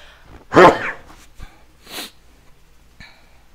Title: I accidentally recorded myself sneezing.